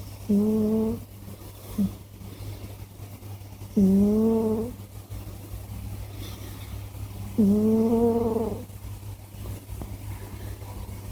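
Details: Scottish Fold cat snoring; owner asks why the cat snores so much.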